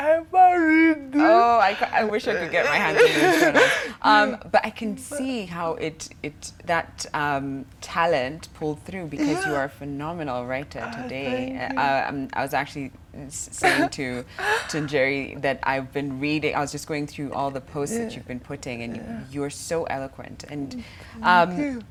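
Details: Adult show host; typical speech.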